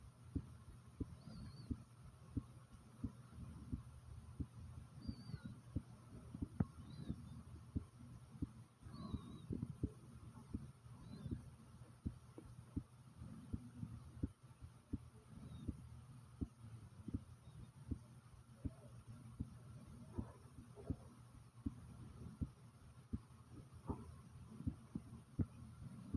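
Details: The recorder's own heartbeat, which they describe as pounding rather fast: steady, regular low thumping at roughly 85 beats a minute with a soft hum behind it.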